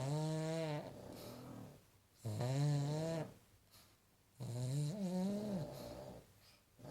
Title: Paddy the pug snoring